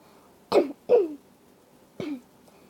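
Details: A person who is sick and hoarse gives three short, harsh coughs, the first two close together; an irritated cough.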